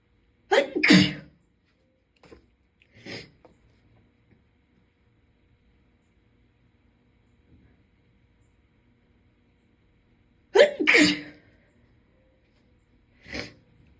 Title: Super Strong Induced Sneezes (f)